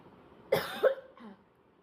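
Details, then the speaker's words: Morning spitting and hawking: two short, harsh cough bursts followed by a faint throat-clearing sound in a quiet room. "So today now I will make video of spitting and hawking sound with morning time."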